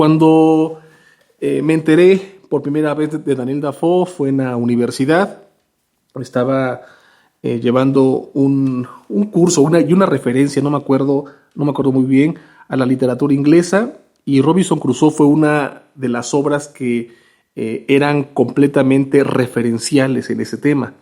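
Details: Spanish-speaking man who implies he is a person who stutters; spontaneous monologue; stuttering.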